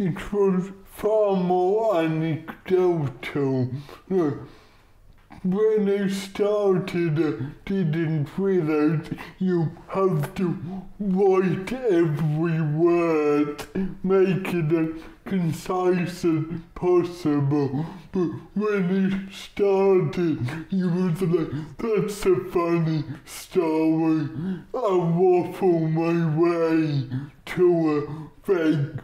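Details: Dysarthria from cerebral palsy in a male stand-up comedian; audiences take a while to lock into his speech.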